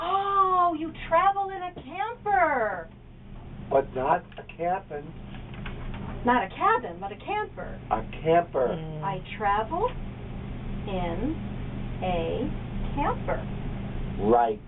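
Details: Adult speakers in a therapy exchange; conversational speech.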